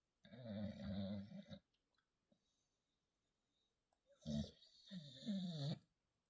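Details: Pit bull/bulldog puppy snoring loudly while trying to sleep: two long, rattling snore breaths with a quiet pause between; ordinary dog snoring.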